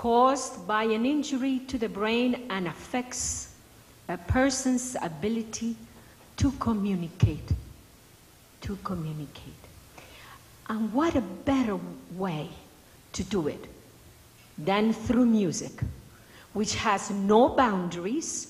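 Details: Adult woman speaking; normal speech.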